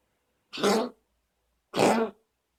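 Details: Dog coughing: two harsh, forceful bursts about a second apart, each lasting roughly half a second, in a quiet room.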